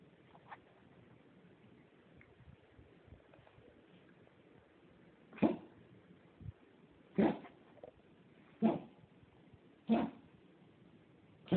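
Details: An animal named Teddy coughing: in a quiet room, about five short, sharp, harsh bursts a second or two apart.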